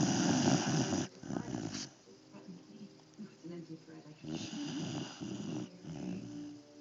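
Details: Family puppy snoring while napping with its owner: two rough, rattling snores separated by quieter breathing during sleep.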